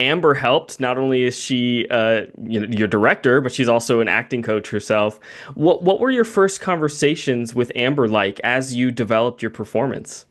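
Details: Adult male speaker; typical speech.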